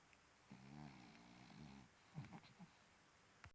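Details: Quiet snoring during sleep: soft, rumbling breath noise with a buzzing quality on one breath, then a few snuffling sounds.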